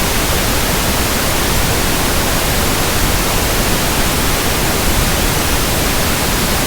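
Steady, soft static hiss, even and unchanging, used as a pink-noise sample for matching tinnitus sounds.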